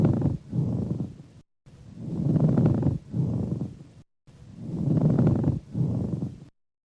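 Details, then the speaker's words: Low-pitched, dry grating pleural friction rub, like two pebbles grinding, heard over the front of the lung through both inhalation and exhalation, from infection-driven inflammation of the pleura. "as you can hear it's described as low pitched dry rubbing again like two rocks being grinded together"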